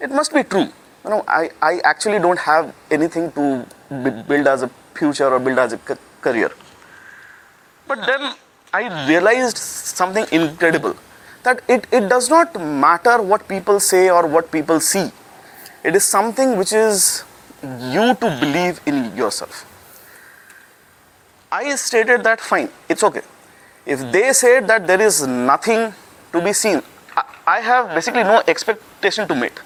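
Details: Male speaker with his own stammering, which he calls a manufacturing defect he cannot fix but has found a way to deal with; stuttering.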